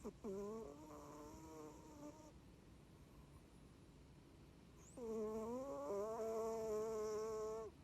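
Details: Sleeping cat that has snored since kittenhood: two long, loud, buzzing tonal snores separated by a quieter pause; loud snoring.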